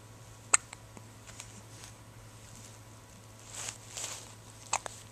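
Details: Two sharp, brief hiccup clicks several seconds apart, with soft rustling between them over a steady low room hum; hiccups.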